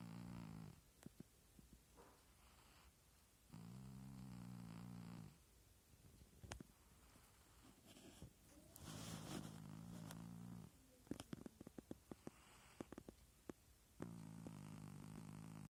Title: Cat's snoring sounds like farts